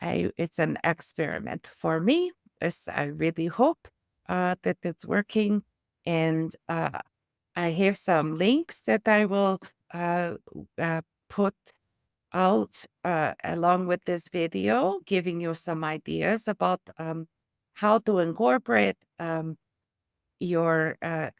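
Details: Adult woman with aphasia and apraxia of speech after a stroke (brain injury); a former professional choir singer who uses music, a metronome and rhythmic tapping to aid her speech.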